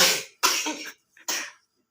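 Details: Coughing during traditional massage therapy: three short, harsh coughs in quick succession, faint catch of breath between the last two.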